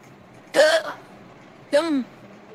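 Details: Simulated, AI-generated female voice of a cartoon character: two brief voiced hiccup-like bursts against faint background noise, in a clip that also has foreign-language speech; hiccups.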